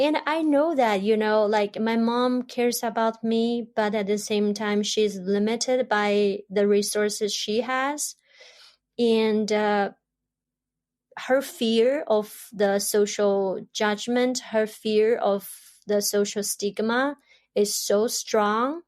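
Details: Adult woman who grew up in China, long-hidden stuttering that later became overt, untreated and unsupported in childhood; stuttering.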